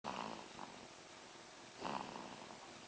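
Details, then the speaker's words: Three-week-old baby boy snoring lightly while sleeping peacefully: two soft, rasping sleep breaths with a faint whistle under a steady hiss. "little snoring baby. Sleeping so peacefully. Snoring like his daddy."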